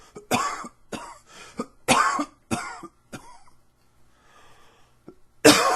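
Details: Allergy coughing: a run of about six dry coughs with throat clearing, then a final harsh cough.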